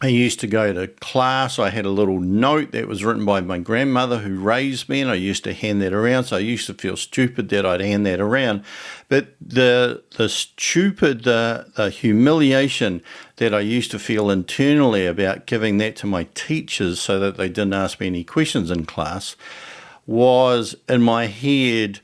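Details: Stuttering in an adult man, with repetitions and, in earlier years, blocking.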